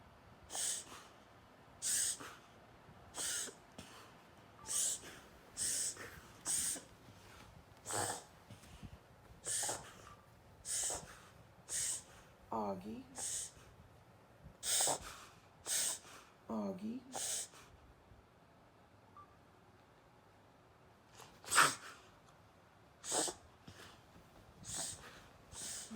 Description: Example of reverse sneezing in a dog